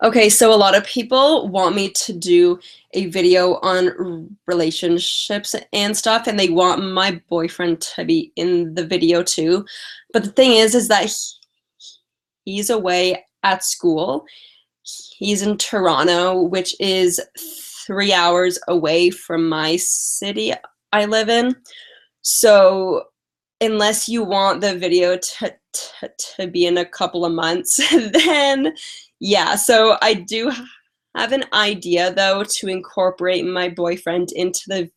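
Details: Lifelong stuttering in an adult woman with past speech therapy, mostly blocks, especially on vowel-initial words and on 't' and 'c'; she has a cold and is tired.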